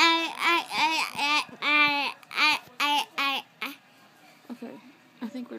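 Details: Child aged 2½, recorded before starting speech therapy and later diagnosed with childhood apraxia of speech, vocalizing; childhood apraxia of speech.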